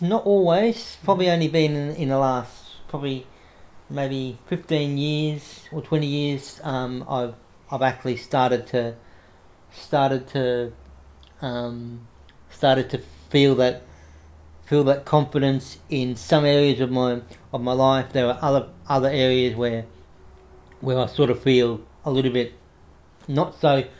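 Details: Adult man with cerebral palsy from infancy affecting right arm and leg; self-described stutter he tries to control by calming down; stuttering.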